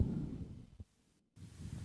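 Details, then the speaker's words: Lung auscultation with a stethoscope, harsh breathing: rough, low breath noise with inspiration and expiration of similar length and a brief pause between them. "жесткое дыхание может быть выявлена у больных страдающих бронхитом и бронхиальной астмой а также у пациентов с левожелудочковой сердечной недостаточностью"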